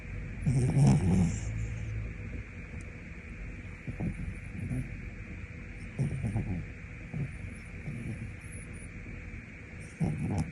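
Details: Snoring described as sounding like a human, original footage with no dubbing: deep, low rumbling snores repeating with each breath, some louder and rattling, over a steady background hum.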